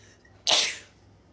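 A single sharp, explosive burst of air through the nose and mouth, a typical sneeze, in a quiet room.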